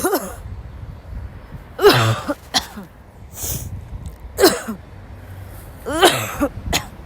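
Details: Young woman who woke up sick had a violent coughing fit in class; repeated harsh, dry cough bursts with throat-clearing and gasping between them: coughing fit.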